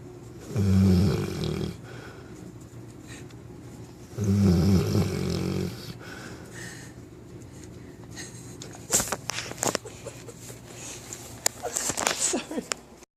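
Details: 9-month-old Newfoundland puppy napping and snoring: two low, rumbling snores a few seconds apart, then a quiet stretch with scattered clicks and rustling.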